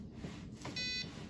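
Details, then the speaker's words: Steady electronic beep over room noise: the metronome of a Zoll R Series ALS crash-cart defibrillator during CPR training, cueing the rescuer back to the right compression rate when going too fast or too slow. "But, so if we go too fast, you're going to, again, get that metronome. Just listen to the beeping to get you back on track with that rate. Same thing if you go too slow."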